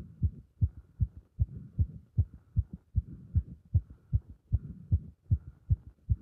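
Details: Heart sounds recorded with chest compression during squats: fast, regular, strong heartbeat at about 154 beats a minute; normal quickened rate with exertion.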